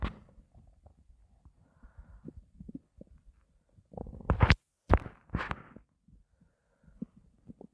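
Gurgling, bubbling stomach rumbles with a louder burst midway; hunger growling, a normal bowel sound.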